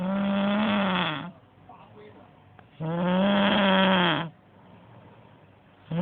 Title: 코고는 소리 대박 코골이 3탄